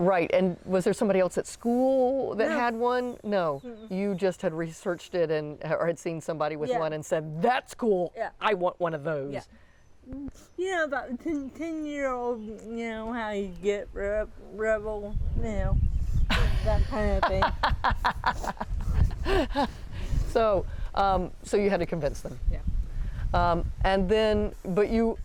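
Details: Dysarthria in a 40-year-old woman with moderate to severe athetoid cerebral palsy with quadriplegia, GMFCS level 3/4, using a power wheelchair; she says people sometimes have trouble understanding her.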